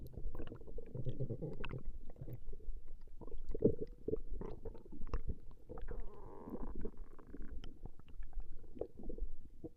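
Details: Woman's stomach growling recorded over a 20-minute session: low, continuous rumbling and gurgling with a brief higher bubbling gurgle, ordinary borborygmi.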